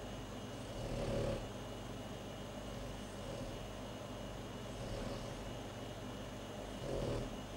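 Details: Pet named Poppy snoring: soft rhythmic snores about every two seconds, roughly 30 a minute, over a steady low background hum.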